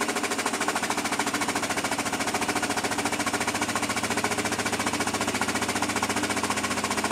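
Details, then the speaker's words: High-frequency oscillatory ventilator driving a test lung at high frequency with mean airway pressure about 18 cm H2O: fast, steady mechanical buzzing pulses. "at our waveforms here you can see we're giving it quite a high frequency and our mean airway pressure here is going to be about 18 centimeters of water"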